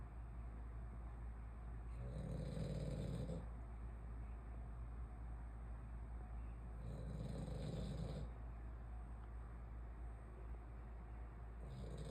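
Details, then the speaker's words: French bulldog snoring loudly while asleep, "like a freight train." Low, rumbling snores about one every five seconds over a steady background hum. "Melina, why are you snoring so loud? You snore loud like a freight train."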